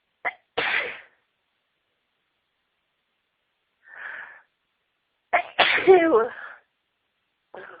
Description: Lots of sneezs during a fit where I was announcing I was gonna sneeze